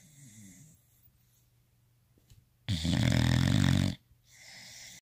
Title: Snoring dog Boxers are so cute